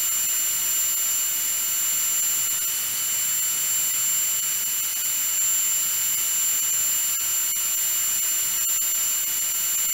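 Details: Sound-library recording of a dental drill: a steady, high-pitched whine running continuously, with faint intermittent clicks.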